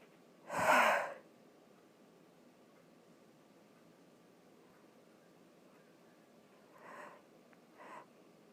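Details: One short forceful sneeze with one nostril blocked, followed by two softer puffs of air through the nose against a quiet hiss.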